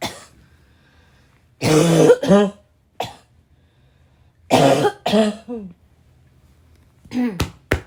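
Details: An adult woman gives repeated forceful, harsh, raspy barking coughs in clusters, separated by brief quiet pauses and throat clearing, during a coughing attack.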